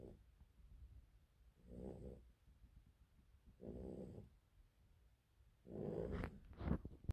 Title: rottweiler snoring